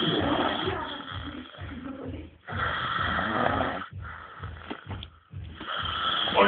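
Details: Loud, rough, rattling breathing sounds in repeated cycles, some with snorting breaks; snoring during sleep.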